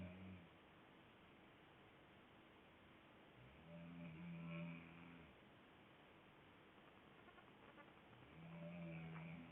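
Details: Woman snoring loudly with her mouth open while deeply asleep: low, rattling snores on each breath, about 13 a minute, against faint room noise.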